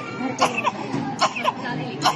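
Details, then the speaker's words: Staccato cough: a child's short, separate dry coughs in quick succession, described as characteristic of chlamydial infection. "Now, let us just consider that this was only the first or cough in each child will cough, and this will characteristically see in chlamydo."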